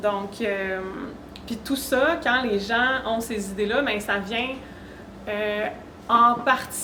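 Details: Adult woman with self-reported stuttering, which she describes as involving blocks, sound prolongations, repetitions and tension when speaking: stuttering.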